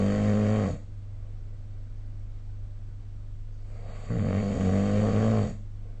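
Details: Two loud, low rattling snores about three and a half seconds apart over steady background hum, recorded with a smartphone snoring app during sleep.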